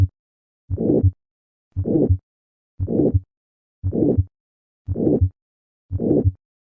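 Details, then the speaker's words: Aortic stenosis with a calcified aortic valve heard at the apex, about 58 a minute: a harsh, higher-pitched late-peaking systolic murmur (Gallavardin phenomenon) that can be mistaken for mitral regurgitation. "on occasion this apical murmur has been mistaken for mitral regurgitation however careful auscultation reveals that the murmur retains its characteristic late peaking shape at the apex"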